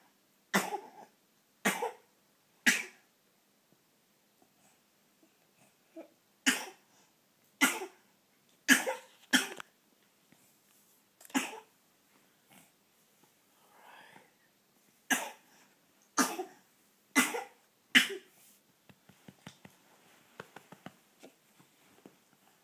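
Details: Young child's coughing spasm, cause unknown: about a dozen harsh coughs in repeated runs with short pauses; paroxysmal cough.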